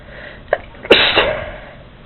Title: sneezing